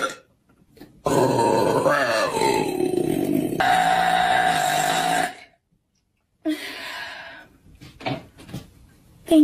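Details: Adult female wrestler burping loudly: two long, low-pitched belches with rough, throaty voicing, then silence and shorter burp-like sounds.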